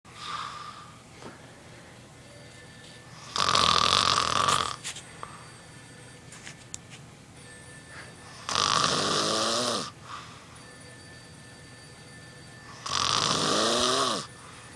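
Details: Loud snoring recorded by someone it woke: three long, loud, rattling snores about five seconds apart, each followed by a quiet exhale.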